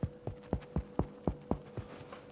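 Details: Demonstrator percusses on themselves, making about seven quick, evenly spaced hollow taps with a low, full ring over a faint steady hum: a resonant percussion note.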